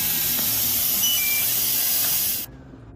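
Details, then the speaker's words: Steady loud hiss for about two and a half seconds, then stopping: coolant spray pressed against the patient's scalp, turning it white, to reduce pain before hair loss injection therapy. "We press this part against the patient's scalp and spray. It turns white like this, right?"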